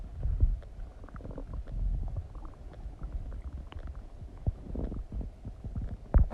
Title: Stomach digesting noises after eating some donuts | My Stomach Makes Noises